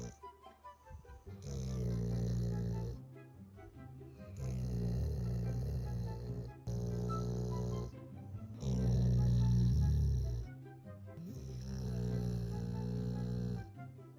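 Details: Sleeping dog, loud snoring: four long, deep, rumbling snores, one with each breath in, about 17 breaths a minute, with music behind.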